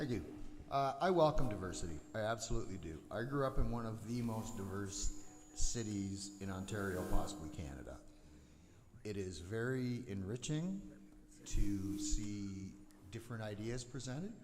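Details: Adult man; ordinary speech.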